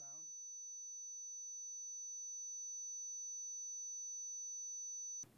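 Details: Steady high-pitched ringing tone about five seconds after a brief voice: simulation of the tinnitus a former DJ with hearing loss still hears.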